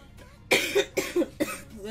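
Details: Girl coughing: three short, harsh coughs in quick succession with faint room noise; she then says her throat hurts badly.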